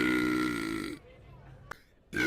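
A long, low, voiced belch lasting about a second, then quiet room noise and a click; a burp.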